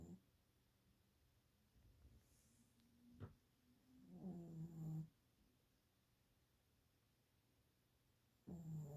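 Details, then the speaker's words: A child during her evening nap: low, rough rattling breaths with two clear snores in a quiet room; heavy snoring. "You were snoring, kid."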